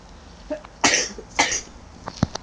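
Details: Cough heard during a video game recording: two sharp, harsh bursts close together, then a few softer throat sounds; a short coughing fit with light background noise.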